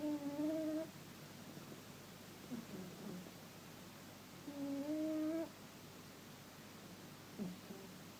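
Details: Snoring of a cat.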